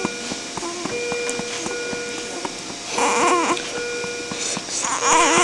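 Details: Baby boy during feeding of expressed breast milk and attempted burping; brief fussy infant cries and whimpers over steady room noise and a soft background tone; infant cry.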